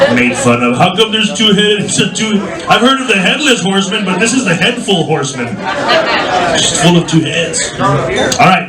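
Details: Adult male comedy host; Normal speech.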